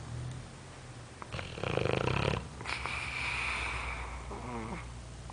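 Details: A sleeping boxer dog snores loudly, with rough snorting snores and a whistling tone on one breath.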